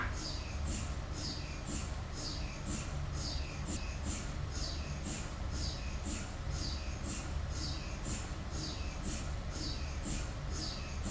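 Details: MRI scanner sequence noise: rhythmic, evenly spaced knocking pulses over a low rumble, repeating without pause.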